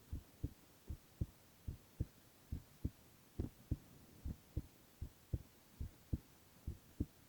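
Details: Silent ASMR recording of a male's continuous heart sounds: regular low thumps at about 70 beats a minute over a faint hiss; normal heart sounds.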